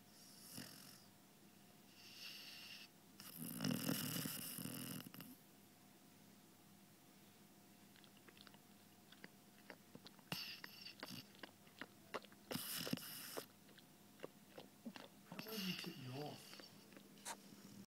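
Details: A 5-month-old Labrador puppy snoring in a nap after a big day, with rattly, snorting breaths and soft clicks and mouth noises in a quiet room.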